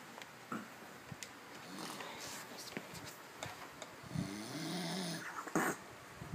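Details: Sleeping man, reportedly aged 50, possibly with undiagnosed sleep apnea (garbled transcript), with reduced chest rise; irregular snorting snores with throaty rumbles, mixed with clicks and room noise: snoring.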